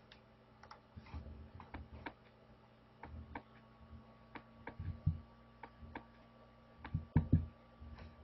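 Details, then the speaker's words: Third heart sound (S3), physiologic filling sound, loudest at the mitral site in left ventricular heart failure: faint low heart sounds with an extra soft filling thud after the second sound, giving a gallop rhythm. "S4 oh let's go back because you didn't hear the S3 so hope you can hear S3"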